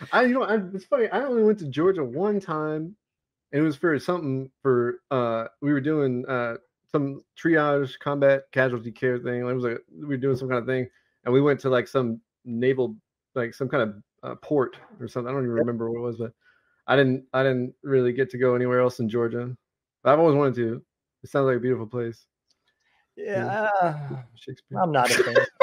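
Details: Adult male Navy veteran whose military career ended after he developed Tourette syndrome; a repeated-word vocal tic occurs while he speaks; Tourette syndrome with vocal tic.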